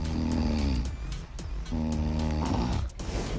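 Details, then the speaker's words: Adult woman's sleep noises recorded by a sleep-monitoring app she downloaded after jolting awake one night unable to breathe; she asks whether an app can detect sleep apnea; snoring. "it actually recorded the noises that I make when I sleep and little did I know that I snore like a lot"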